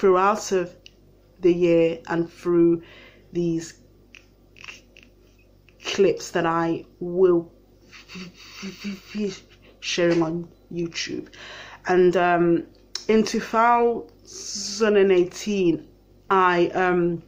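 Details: Stammering in an adult living with a stammer.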